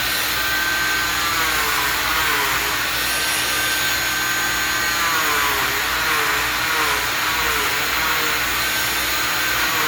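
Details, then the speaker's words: Oscillating cast saw cutting laterally to bivalve a freshly applied fiberglass short leg non-weight-bearing cast, using the in-and-out method, to allow for postoperative swelling; loud continuous high whine with slight pitch dips as the blade cuts. "you use the In-N-Out method most surgeons or surgical teexs or orthotex uh will will B valve the cast laterally immediately"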